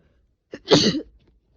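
A single sneeze: a short indrawn breath, then a sharp explosive burst of air.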